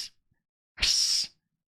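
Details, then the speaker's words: Single sneeze during a live stream: one brief, airy, hissing burst with no voiced sound, in a quiet room; the sneezer likened it to an air blower. "Okay, I have to admit that was a adorable sneeze. No, adorable."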